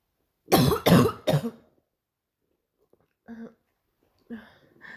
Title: barking cough 2